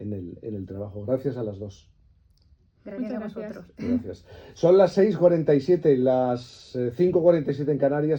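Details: Adult male radio host; no disorder.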